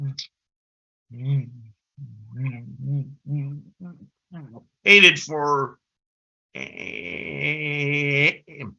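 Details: Adult man who has stuttered since about age six; stuttering.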